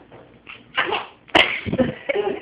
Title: Fake sneezing